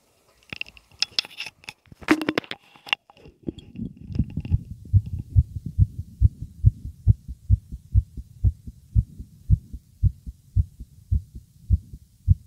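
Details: Adult man's heart heard with an ear on his chest while he was nervous: rapid, strong, regular low thumps at about 125 beats a minute, a fast heartbeat (sinus tachycardia).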